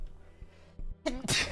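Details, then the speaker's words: Single sneeze from a male streamer during a collaboration stream, which a co-streamer asks whether it was real: a brief voiced wind-up, then a sharp, forceful burst of air. "wait okay is that a real sneeze"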